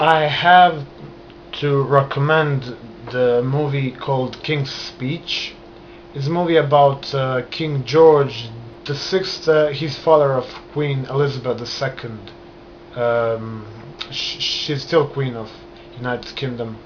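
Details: Adult man stuttering since early childhood, noticed in kindergarten, onset after a trauma rather than from birth; still present, controlled by hand movements, pacing and breath control; word repetitions heard; stuttering.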